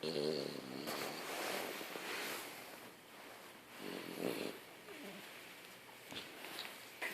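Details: French Bulldog with a saggy face snoring: noisy, snorting, fluttering breaths with an irregular rhythm in a small room.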